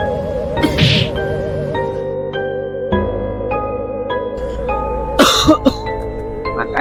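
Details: Cough.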